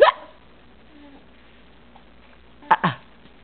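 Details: 4-month-old boy with hiccups, which he seemed to find funny: brief abrupt voiced catches, one at the start and a close pair near the end.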